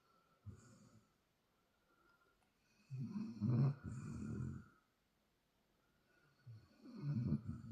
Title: Demonic snoring of a 6 month old Belgian Malinois Shepherd puppy